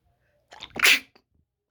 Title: Wide Nose ,WET Sneezes Africa.